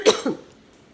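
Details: A single brief double-burst cough from an adult woman with cystic fibrosis who reports troublesome allergies, feels better lately and is building exercise stamina; cough in cystic fibrosis.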